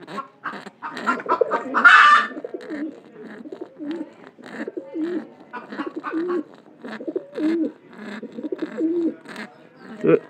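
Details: Repeated throaty, gurgling sounds with a rough, rattly edge from a pigeon with a cold, a respiratory infection, while held close; abnormal respiratory sound.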